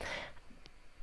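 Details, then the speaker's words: An adult with returning laryngitis gives a single brief, harsh throat clear, followed by quiet room sound. "Excuse me, tiny bit of my laryngitis coming back."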